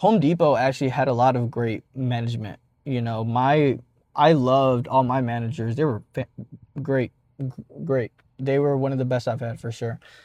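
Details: 52-year-old man, a jazz player turned rap singer, who describes himself as a person who stutters; stuttering.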